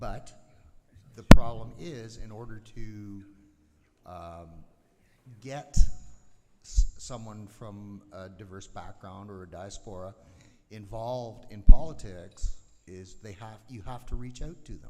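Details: Adult man; ordinary speech.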